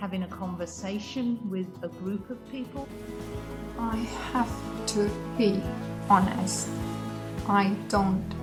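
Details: Woman with aphasia acquired around a hospital stay, initially able to say only yes and no; realised it about a year later; she says she will never speak as before but is still improving; aphasia.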